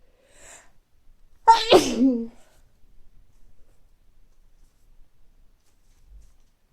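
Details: Adult with recurring mild colds, not very stuffy but sneezy: a quick intake, then a single forceful sneeze, then quiet; sneezing with a common cold.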